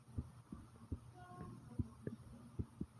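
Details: Strong, regular low heart thumps in lub-dub pairs with a faint hum behind, roughly 70 beats a minute; an ordinary, normal heartbeat pounding.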